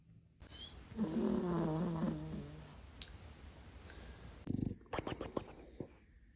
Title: pets snoring 😪😴🥺🫠#snoring #pets